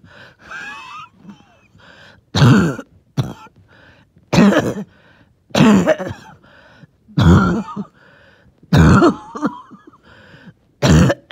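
Six deep, wet coughs, each followed by a wheezy, rattling breath in; a wheezy productive cough with phlegm.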